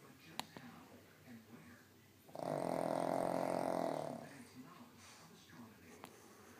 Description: Loud snoring pug